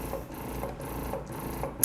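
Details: Medela Pump in Style MaxFlow double electric breast pump running, with rhythmic mechanical pumping cycles and soft clicks about every half second.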